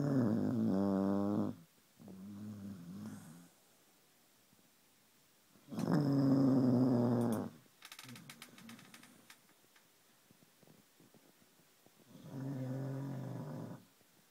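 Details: Sleeping dog snoring: three long, rough, low breaths with tonal fluttering, about ten a minute, with quiet pauses between.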